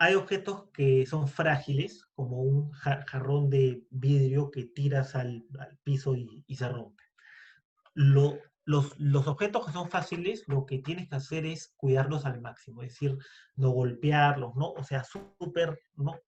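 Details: Stuttering in a Spanish-speaking man introduced as a person who stutters, speaking as a podcast guest.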